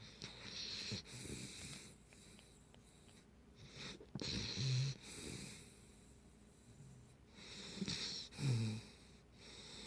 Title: Snoring Pitbull Puppy